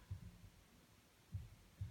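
Low paired thumps, about 50 beats a minute, with faint hum in the background; heartbeat.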